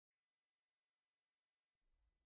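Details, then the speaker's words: Simulated tonal tinnitus, a very high thin steady tone that fades in, holds and fades out, modelled on an audiologist's own constant high-pitched tinnitus, present 24/7 and worse when tired, stressed or in quiet. "मेरा एक उच्च स्वर वाला निरंतर स्वर है जो कुछ इस तरह लगता"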